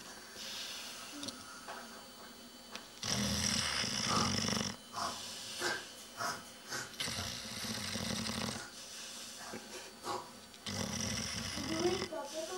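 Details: Snoring by a 5-month-old Dogue de Bordeaux puppy: loud, rough snoring bursts every few seconds with a harsh rattle, against a noisy background.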